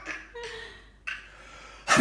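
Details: Father's sneeze that makes a child laugh: soft breathy sounds and a brief voiced note, then a sudden loud sneeze burst.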